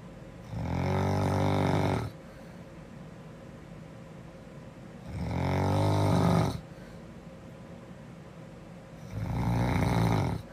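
Loud, low rattling snores on each in-breath, about three over ten seconds, with quiet breathing between: snoring.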